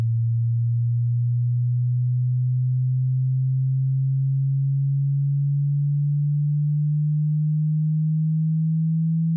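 Steady low pure tone that steps slightly higher every few seconds, used for hearing checks or matching tinnitus pitch.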